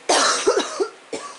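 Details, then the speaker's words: Short run of about four harsh, partly voiced coughs from an adult woman, the camera operator, who is getting over the flu. "you can hear the camera girl coughing we're getting over we're getting over the flu Bob"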